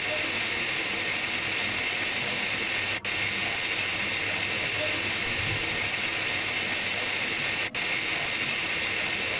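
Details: High-speed dental handpiece preparing a class I cavity for amalgam in a mandibular first molar, with the fissure bur tilted to converge the buccal and lingual walls: a steady high-pitched whine with air-water spray and two brief stops.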